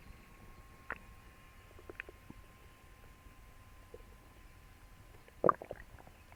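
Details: Faint gurgles then one loud rumbling gurgle over a faint hum, after eating for the first time in a while; loud bowel sounds (borborygmi).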